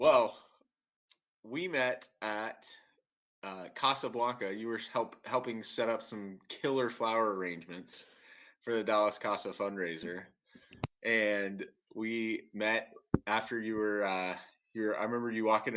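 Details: Adult man speaking; ordinary speech.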